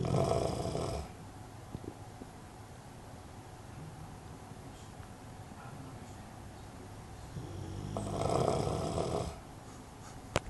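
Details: A sleeping dog gives two rough, rattling snores on the in-breath, roughly eight seconds apart, with quiet breathing between them: ordinary snoring.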